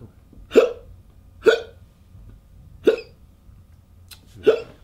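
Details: Four short, sharp hiccups roughly a second apart in quiet, acted by a man in a comedy sketch after trying to hold his breath: simulated hiccups.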